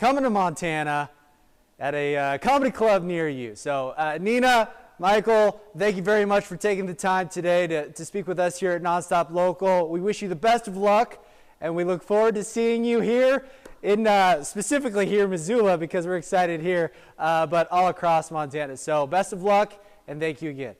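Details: Adult male speaker; normal speech.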